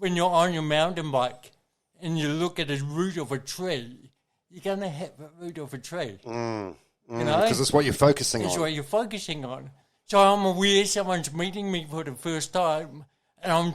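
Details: Adult man with cerebral palsy from birth, caused by oxygen loss to the brain during delivery (a brain injury); he says his thinking and articulation are intact but his voice is a little shaky; dysarthria in cerebral palsy.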